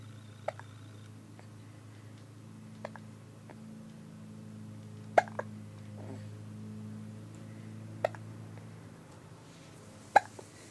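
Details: Repeated sharp, brief hiccups at irregular intervals, about twelve a minute, over a steady low hum.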